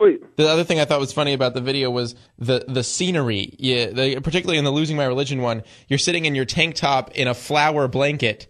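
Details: Adult male speaker; normal conversational speech.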